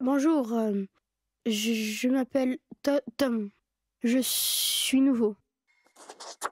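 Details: Boy character in a narrated story, portrayed rather than a real patient, who repeats or blocks on sounds while introducing himself to a new class: stuttering.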